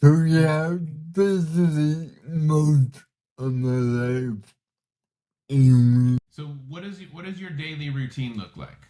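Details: 32-year-old man with cerebral palsy, communication hard at times and initially hard for listeners to understand; dysarthria (cerebral palsy).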